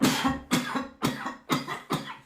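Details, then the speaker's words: Adult woman with a persistent dry cough: five sharp, dry coughs in a row, with no rattle or wet sound. "j'arrête pas de tousser c'est une toussèche encore en plus c'est une catastrophe"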